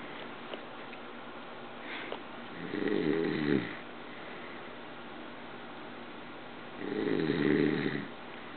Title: Dad snoring on the couch